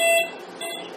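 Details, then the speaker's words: Steady electronic alarm from a Pumani bubble CPAP machine on a baby, sounding about ten seconds after power loss; nasal prongs must then be removed immediately. "those are ten seconds away before an alarm begins to sound"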